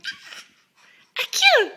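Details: Young child who finds sneezing funny: a brief sharp burst of air like a small sneeze, followed by a high child's squeal or laugh, amid an adult's playful "ak ak" sneeze imitations.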